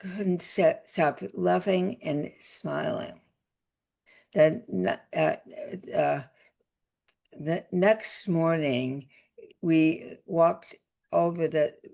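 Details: Adult woman with aphasia after a significant stroke that also caused paralysis; aphasia.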